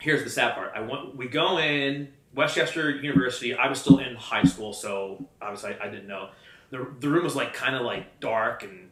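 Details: Stuttering since childhood in an adult man; he had speech lessons from grade school until about high school and says he still sometimes struggles to get words out.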